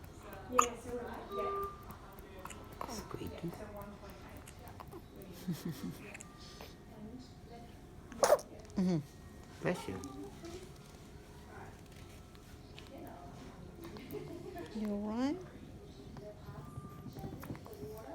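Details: Baby girl, one of twins, with hiccups: several short, sudden squeaky catches in her breathing, with adult voices and room noise around them.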